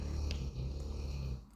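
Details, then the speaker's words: Snoring from a dog named Marti, recorded during a home vlog. "Marti qui ronfle vous"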